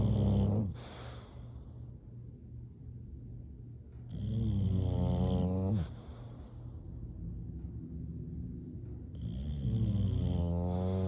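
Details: Loud, rhythmic, rattling snores from sleeping bulldogs, each inhalation a harsh vibrating rumble; flat-faced dog snoring.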